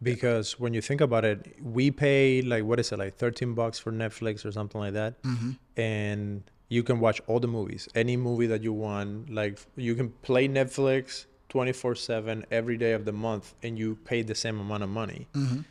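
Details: Adult male speaker; Normal conversational speech.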